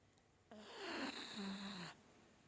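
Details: A sleeping dog gives a single rough, rattling snore lasting about a second and a half, with a low buzzing tone; it is described as loving to sleep and snoring all day: snoring.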